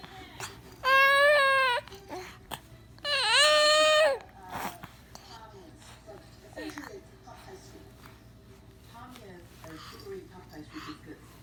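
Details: Baby struggling while trying to sneeze: two loud, tonal infant cries about a second each, followed by quieter fussing and whimpering.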